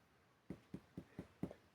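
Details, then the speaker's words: Abdominal physical exam: percussion over Traube's space, between epigastrium and left upper hypochondrium; five quick, evenly spaced taps with a clear, very hollow, resonant ring, a hypertympanic note, a normal finding. "Pero se escucha un sonido mucho más claro como mucho más hueco esto es un sonido muy hueco"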